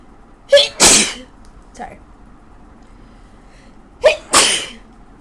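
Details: Two sneezes, each a quick in-breath then a loud explosive burst, at 3 a.m. from a person with the worst cold of their life, reportedly while drunk, in Australia.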